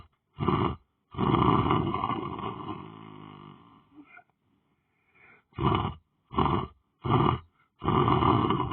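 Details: Person lying on the floor asleep, snoring: loud, rough, rattling breaths in irregular bursts, one long drawn-out snore followed by several short snorts; heavy snoring.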